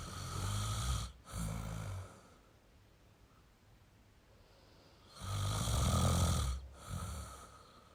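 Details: Deep, rumbling snores on each in-breath with quiet pauses between breaths: ordinary heavy snoring from a sleeping male.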